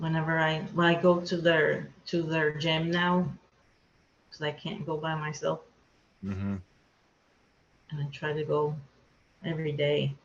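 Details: Adult woman with aphasia after a hemorrhagic stroke, unable to talk for two years afterward, with word-finding difficulty, repetitions and broken words; aphasia.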